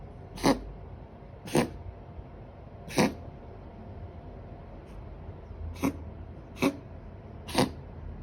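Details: A cat gives six short, sharp coughs over about eight seconds in a quiet room: cat cough.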